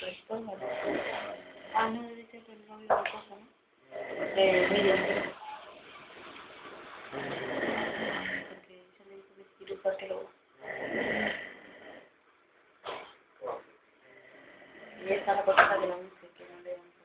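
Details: A person snoring in sleep: loud, rough snoring with irregular breaths and snorting sounds in a small quiet room.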